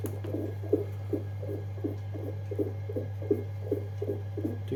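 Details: Fetal heart Doppler sound from a BPL 9852 CTG/NST fetal monitor demonstration: rapid, regular swishing pulses at about 146 per minute, within the normal range.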